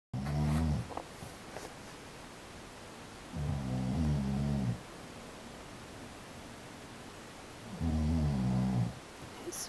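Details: A boyfriend's deep, loud, fluttering snores on each in-breath, about three per ten seconds with quiet gaps, keeping his partner awake for hours; he is said to be in denial about snoring.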